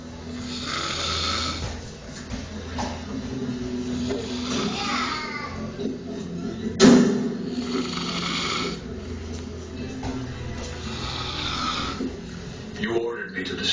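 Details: Loud, harsh, rattling snoring from a sleeping husband, four steady breaths at about 18 a minute, with a brief knock midway.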